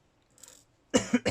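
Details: Person who has caught an illness coughs: a faint sound, then a loud burst of two or three quick coughs close together, picked up at a distance on a phone microphone.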